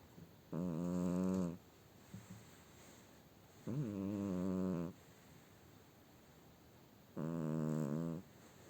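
Loud, voiced, human-like snores, about 18 a minute, each lasting about a second, with quiet pauses between.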